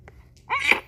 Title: Teeny baby girlie sneezes & smiles. 12-26-23